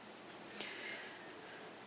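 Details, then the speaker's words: Medtronic MiniMed Paradigm 723 insulin pump during an infusion set change: three short high-pitched beeps over quiet room noise, signalling rewind complete before the reservoir is placed and locked. "when it finishes you'll actually hear a couple beeps on the front it'll actually say rewind complete place and lock Reservoir in pump then press act"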